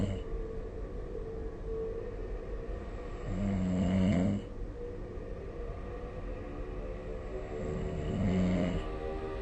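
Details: Snoring recorded with the SnoreLab app: two low, rattling snores on inhalation about five seconds apart over steady room hiss; ordinary snoring.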